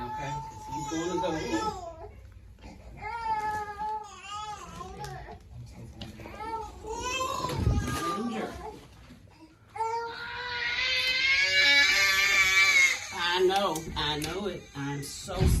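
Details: A newborn boy cries hard in repeated bursts, rising to louder, strained wails, with an adult's soothing voice and soft music, during his first shots in the legs: infant crying after vaccination.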